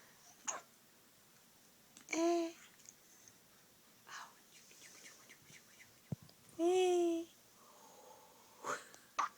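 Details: A one-week-old newborn boy makes brief, sharp hiccup sounds at irregular intervals, with two short squeaky vocal sounds between; infant hiccups.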